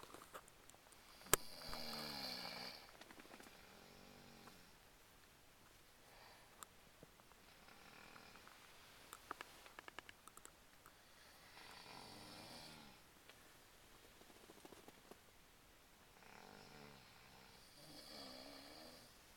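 Soft, fluttering snores on breathing in, about five across twenty seconds, with faint clicks and room hiss. Light snoring, around fifteen breaths a minute.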